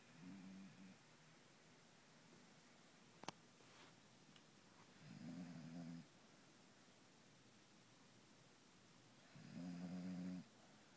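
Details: Beagle snoring: low, buzzing snores on the in-breath, roughly every four to five seconds, in a quiet room.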